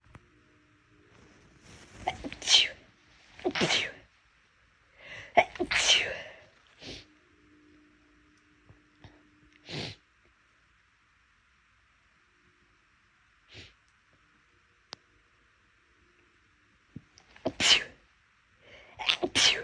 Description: My nose was bothering me (me and a bunch of people it seems) and I thought I’d induce a little to get them out, wasn’t expecting them to be this big.